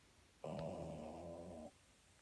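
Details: Snoring in a woman with sleep apnea: a single rough, vibrating snore lasting just over a second, with quiet before and after.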